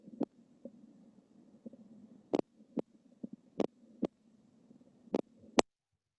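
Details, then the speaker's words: Horse heart auscultated with stethoscope: soft thumps with uneven gaps, pauses then early beats, irregularly irregular rhythm; atrial fibrillation. "que es un ritmo irregularmente irregular que hay momentos en los que se parece que hay una pausa y luego que se adelanta"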